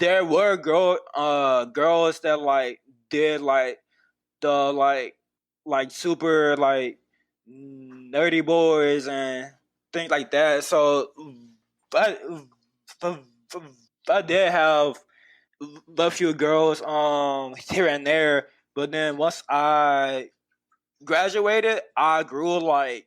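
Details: Adult male university graduate who stutters; stuttering.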